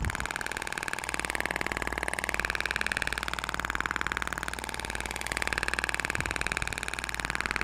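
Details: IBRAMED Thork shockwave therapy handpiece firing during a facial treatment over the zygomatic and chin regions: fast, steady ticking pulses at about four per second over a low hum.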